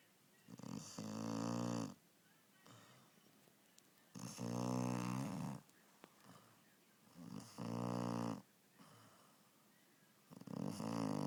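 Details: Sleeping puppy with rhythmic buzzing snores on each breath, about 20 breaths a minute, quiet pauses between; snoring.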